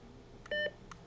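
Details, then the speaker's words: Philips HeartStart OnSite AED battery-insertion self-test: short clear electronic confirmation tone after the flashing orange shock button is pressed, verifying the button works. "The interactive part of the battery insertion test consists of verifying correct operation of the device's orange shock button. If the orange button is flashing, press it."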